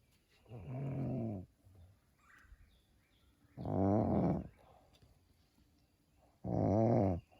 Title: snoring momma bear